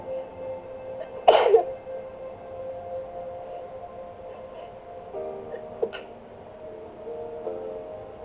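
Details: Sneezing fit recorded on a phone: a sharp sneeze burst followed by a smaller one, over soft background music.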